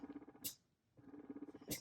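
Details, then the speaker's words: Spectra electric breast pump, vacuum turned down from 7 (maximum 12) to about 6: quick pulsing motor hum with a brief pause and sharp hissing releases at moderate suction. "Okay, so it's kind of quieter. 5 is even quieter. You can even go down to 1."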